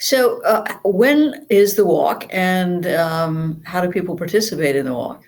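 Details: Adult speaker; ordinary conversational speech.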